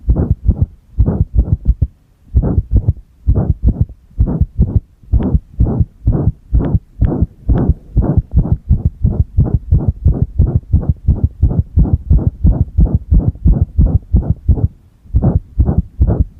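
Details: Irregular heartbeat (arrhythmia) heard with the chest pressed, recorded alongside a single-lead ECG: loud low heart sounds with uneven spacing, runs of faster beats and pauses.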